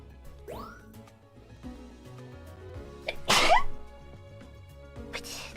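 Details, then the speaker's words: Sneezing during a run of repeated sneezes: a single loud sneeze after a brief in-breath, with soft music and chimes in the background. "That was a triple. Oh no, here we go again. I feel a sneeze."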